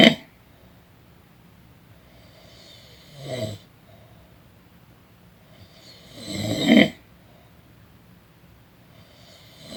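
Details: Person snoring during a daytime nap: rough, rattling snores about every three seconds, one on each in-breath, quiet room between them; snoring.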